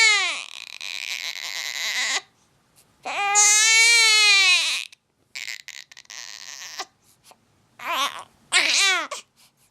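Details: Two-week-old infant crying: loud, high-pitched bursts with rising and falling pitch, separated by brief pauses for breath.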